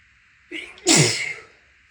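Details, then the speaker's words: Adult sneezing from allergy while grass is cut outside; a brief indrawn breath, then one loud explosive sneeze; allergy sneezing. "Oh, my God. Fucking cutting the grass."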